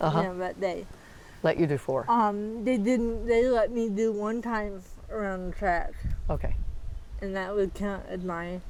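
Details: Dysarthria in a 40-year-old woman with moderate athetoid cerebral palsy, quadriplegia with moderate to severe physical involvement, GMFCS level 3/4; speech may be hard to understand.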